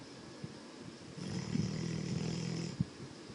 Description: yellow labrador snoring when sleeping